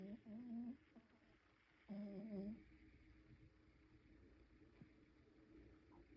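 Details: Dog (mixed breed) sleeping: two soft, tonal, humming snores over a quiet room.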